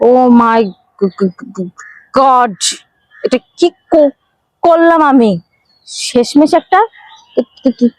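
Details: Acted comedy skit portraying a female character who stutters, upset to discover her partner also stutters; stuttering.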